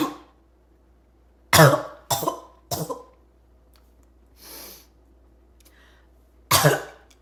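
Four harsh, explosive coughs from an adult, three in a quick run, a short gasping breath, then one more; a barking cough.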